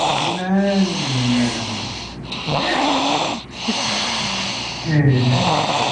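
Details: Snoring in sleep: loud, rough snores about every one and a half seconds, roughly 40 a minute; audio only, sleeper not visible.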